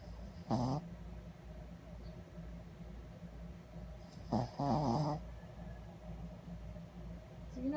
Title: Loudest dog's snore